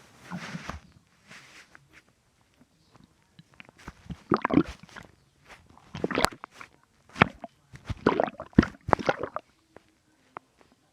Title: My stomach making weird noises